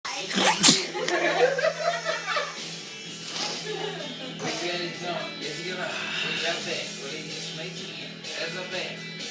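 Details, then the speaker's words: A male sneezing so hard he is in tears after eating jalapeño peppers: one sharp sneeze burst at the start, then talking over steady background music; sneezing. "he's crying he's sneezing so hard look at this tear I see tears he's been eating jalapenos Peppers"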